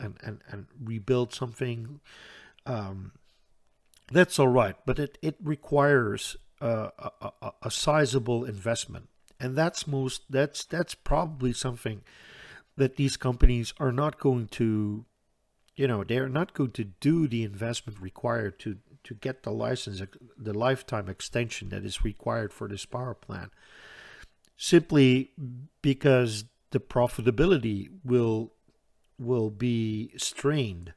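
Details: Stuttering in an adult Dutch man who reports a stutter that is audible all the time, a type in which he always hangs up between his words.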